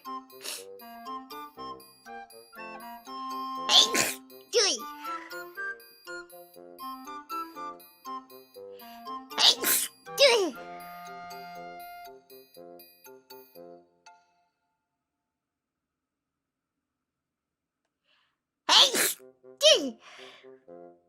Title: Cute Sneezes